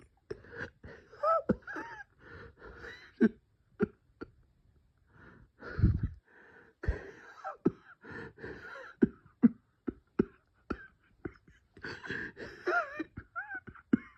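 Short sharp coughs and clicks over strained, whistling breath sounds, fitting wheezing from bronchospasm.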